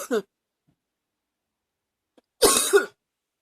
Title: # 23 Harder times... cough is cooking in my chest